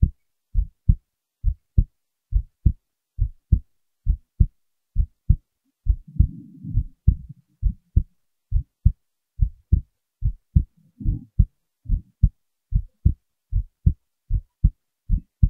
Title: heartbeat recording